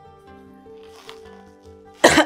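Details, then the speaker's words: Single short, forceful adult cough at the very end, over soft background music, from a woman whose cold has not eased and is getting worse. "దగ్గు వస్తుంది నా voice కొంచెం ignore చేయండి"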